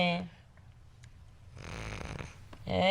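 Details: Simulated snoring in a TV sitcom scene (Modern Family, season 3, episode 3): a single rough, snorting snore between bits of speech. A wife thinks her husband is snoring, but it turns out to be the little puppy that snuck into the bed.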